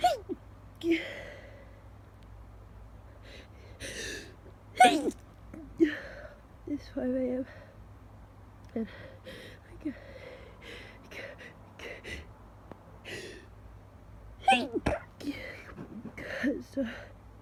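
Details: Person woken super early at 5 am, sneezes stifled where possible; several sharp explosive sneezes, some preceded by gasping inhalations, in a quiet room: repeated sneezing.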